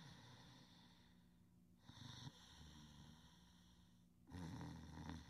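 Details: Sleeping subject snoring softly: soft snorting, rattling breaths with quieter gaps between and faint room hum; light snoring during sleep.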